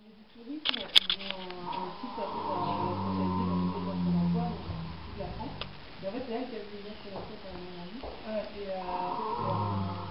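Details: Long, drawn-out, humming snores from a sleeping female pet, two breaths a few seconds apart with a tonal, whistling quality: snoring.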